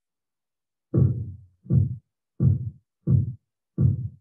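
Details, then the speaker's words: Five regular low thumps at about 86 a minute, heard through a stethoscope as the cuff deflates, audible only while cuff pressure lies between systolic and diastolic: Korotkoff sounds in a low reading of about 84/66. "so the only time you'll hear a sound is when the pressure in the cuff is somewhere between systolic and diastolic below"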